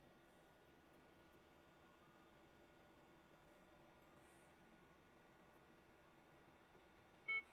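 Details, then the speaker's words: Yuwell Spirit-3 portable oxygen concentrator, adjustable up to 4 L/min. Steady machine hum is followed by a single short high-pitched beep, the alarm that sounds when the patient's nasal cannula comes off the nose. "กรณีสายผู้ป่วยหลุดออกจากจมูกจะมีเสียงเตือน"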